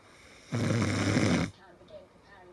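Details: Husband snoring loudly all night in sleep, keeping his wife awake; she says he needs to see a doctor. A single loud, low, buzzing snore lasting about a second, then quiet room noise.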